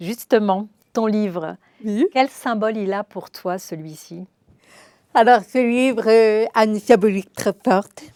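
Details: Adult female speaker, conversational exchange; ordinary speech.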